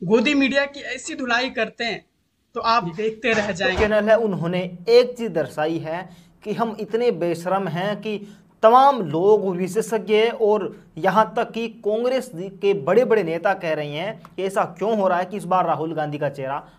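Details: Adult male speaker; Normal fluent speech.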